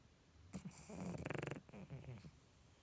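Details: Sleeping pug snoring: a rattling, fluttering snore on the in-breath from a flat-faced dog.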